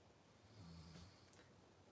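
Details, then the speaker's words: A single soft, low, buzzing snore from a sleeping female puppy that snores badly, in a quiet camper; snoring. "just hear that snoring that's not Tommy that's Shelby the puppy she snores so bad"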